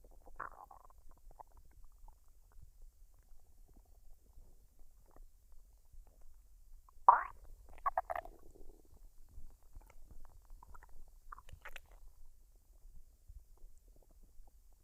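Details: Woman's belly after a fried rice and duck dinner, unedited with no added sounds: a quiet background with a few brief squeaky gurgles and bubbling noises; normal bowel sounds (borborygmi).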